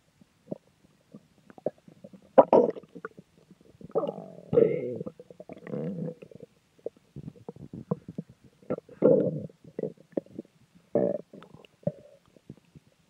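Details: Ordinary stomach growling (borborygmi): bursts of bubbling gurgles and rumbling growls in a quiet room; person jokes about what they may have swallowed.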